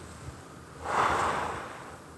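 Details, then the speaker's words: Demonstration by a respiratory physician of using a pressurized metered-dose inhaler with a spacer: after priming the inhaler and before holding the spacer in the teeth and lips, one long, forceful deep exhalation to empty the lungs. "hold it in my teeth and lips but before that I would deeply exhale"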